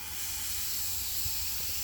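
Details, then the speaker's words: Gentle steady air from a dental air syringe thinning a bond (Rodin Bond) on simple prepped teeth with a deeper distal box prep, HVE suction used; soft hiss with faint room rumble; keep surface glossy. "And then in terms of this, I like to start out, if you can hear that, right? Just gentle air,"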